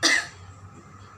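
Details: Post-operative patient doing perioperative effective-cough training, with a hand placed over the surgical wound after deep breaths: one strong, deliberate cough burst that fades quickly; an acted voluntary effective cough.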